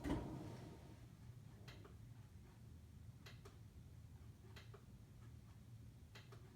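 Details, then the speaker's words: Simulated lung sounds on a SAMII simulator: diminished breath sounds, the same vesicular sound but very quiet and faint, with occasional light mechanical clicks. "diminished is the same vascular sound it's just quiet so this is where I joke with students that if they say I can't hear it turn it up during the quiz I'll just shake my head at them because diminished is supposed to be quiet"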